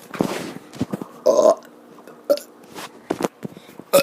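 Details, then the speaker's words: A child making voluntary burps, tired after running a lot that day: several short voiced belches spaced irregularly with breathing between; the burping later gives the child hiccups. "guys um i'm going to be doing burps today"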